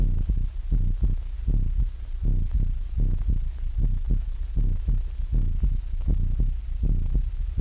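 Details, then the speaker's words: Regular low thumping heartbeat at about 80 beats a minute with a steady background hum, heard through an amplified electrical stethoscope that lets a room of students or consultants listen at once, in a 1929 animated film. "electrical stethoscope has changed all this for the better a whole room full of students or Consultants can now listen to the same heart or body sounds at the same time"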